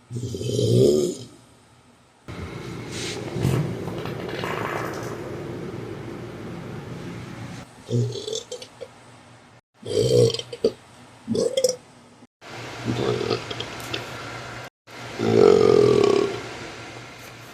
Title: Rotten inulin farts and burps